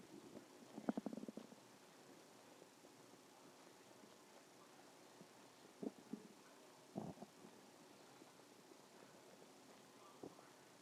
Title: stomach growling 3